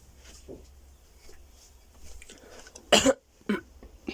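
Faint room noise, then a sharp cough and a second softer one: coughing breaking a quiet stretch.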